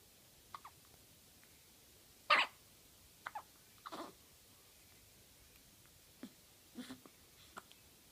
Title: Synchronized hiccup baby twins